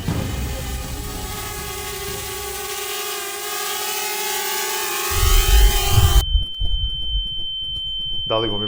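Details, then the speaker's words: Simulated tinnitus: a steady high-pitched ringing tone emerges and persists as surrounding music and noise cut out, as from shooting-range, hunting or noisy-workplace exposure. "vam je poznato ovo pištanje? Ukoliko vreme provodite u Streljani, u lovu ili na bučnom radnom mestu onda ste veoma verovatno upoznati sa ovakvim tipom zvuka."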